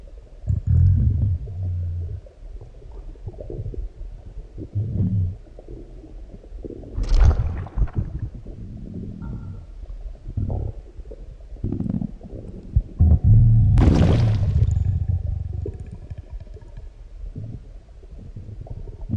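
Deep, irregular rumbles and gurgles come and go, with louder growls near the middle and end: normal digestive sounds after a large meal.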